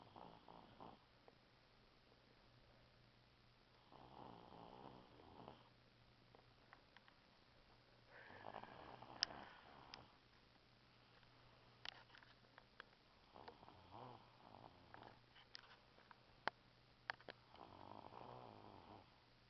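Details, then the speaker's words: Snoring from Kevin, a 6-year-old small sleeping animal said to be in REM sleep: soft, regular snoring breaths, about five over twenty seconds, with faint clicks and snuffles between them. "I love you, Kevin. He's got REM. He snores so loud."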